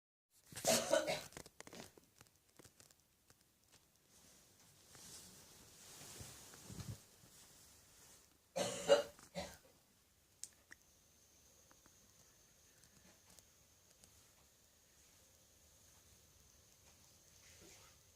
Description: Non smoking 61 year old woman suffering from morning catarrh cough.